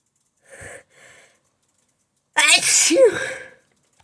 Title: working through a sneezing fit